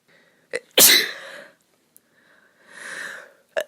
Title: Sneezing because I am ill (F)